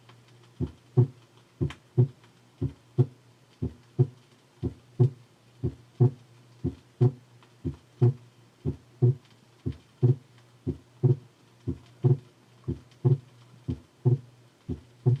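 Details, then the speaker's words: Heart sounds from a 1968 cardiac auscultation teaching record: regular rhythm near 59 a minute, second sound single on expiration and splitting on slow inspiration; physiological splitting of the second heart sound. "normally the second heart sound is single or very slightly split in expiration and shows splitting with inspiration let us listen to inspiratory splitting of the second sound as it might occur with slow respiration"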